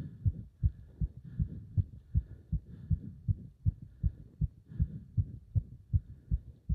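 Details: Heart sounds during leg wrench exercise, pounding felt up to the subclavian artery: fast, strong, regular heartbeat about 150–160 beats a minute; rapid heartbeat during exertion.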